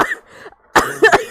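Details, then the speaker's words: Female gamer with a cold who says she is coughing a lot, during a live game stream: two or three short, harsh cough bursts after a quiet breath. "제 가 지금 감기 에 걸려서 기침 을 많이 해 요 . 양해 부탁 드립니다 ."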